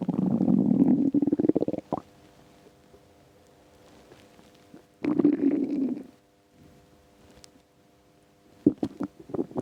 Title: Empty stomach rumbles